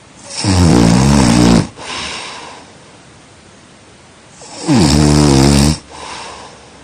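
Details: Snoring during sleep: two loud, rough, rattling snores on breathing in, each about a second long, with quieter breaths between; heavy snoring as noise pollution.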